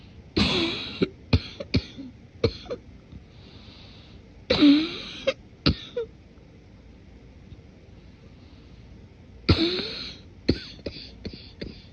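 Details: Morning cough, deliberately suppressed and muffled to avoid waking someone sleeping: three held-back bouts, each a deep cough followed by short hacks, thick and wet with audible congestion.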